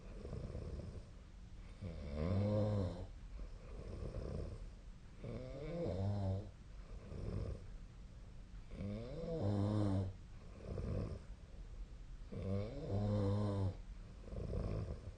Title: 🐽 本日のイビキ / Snoring Sleep Sound 2025/03/12